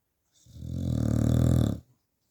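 A single long, low, rattling snore from a sleeping dog, with a rough, growl-like buzz through the in-breath.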